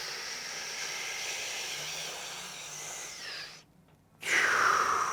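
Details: Steady hiss of a running nebulizer, a brief pause, then a loud whooshing deep mouth-only inhalation through the mask with the nose pinched closed, during nebulizer use.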